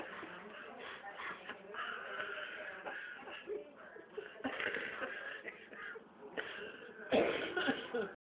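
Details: Elderly woman talking about Elizabeth Taylor, muffled voice then a brief harsh cough near the end.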